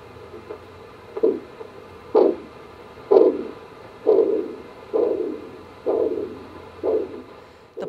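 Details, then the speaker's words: Handheld Doppler over an artery during blood pressure cuff deflation: rhythmic whooshing pulse sounds, about 63 a minute, reappearing; the first returning pulse marks the systolic blood pressure. "now listen as the Doppler detects the point at which the pulse reappears during blood pressure cuff deflation"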